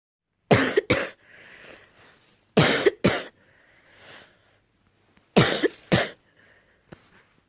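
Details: Adult morning cough, possibly allergy-related: three bouts of paired harsh coughs separated by soft breathy inhalations.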